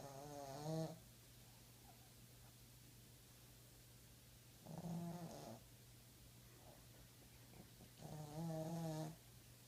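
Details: Boston terrier puppy sleeping: three slow, rattling snores about four seconds apart, roughly 15 breaths a minute, over a steady low room hum; puppy snoring.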